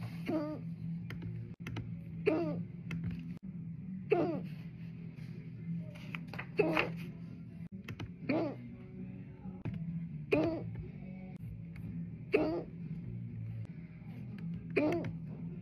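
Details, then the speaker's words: Adult at work in an office, keeping mouth closed to hold in hiccups, reports headache from them; brief regular hiccups about 30 a minute over office hum and typing. "I headache from hiccups I'm trying to hold them inside so I send you back home yeah if I open my mouth the hicup is going to be very loud the whole office is going to hear it"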